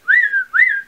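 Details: Two short, high, rising-falling whistles in quick succession; a repetitive whistling vocal tic in a person with Tourette syndrome.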